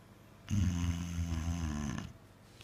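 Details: Bruce, a blind 9-month-old Mastiff puppy, sleeping: a single long, low, rattling snore of about one and a half seconds, with quiet room sound on either side.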